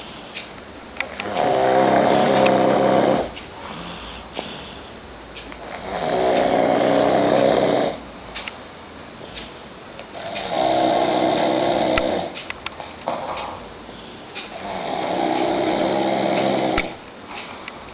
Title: Me Snoring VERY LOUD